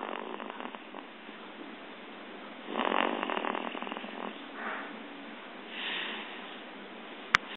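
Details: Soft, rough snoring on a couple of breaths over a steady background hiss, ending in a brief click.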